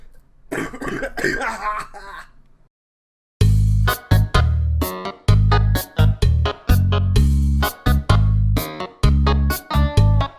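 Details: A run of loud, harsh, closely spaced coughs and throat-clearing bursts, which the person says hurt, with music at the start: cough.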